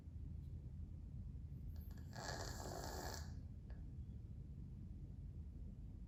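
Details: A single soft, breathy snore over steady low room hum from Nike, a 13-year-old male domestic shorthair foster cat sleeping indoors.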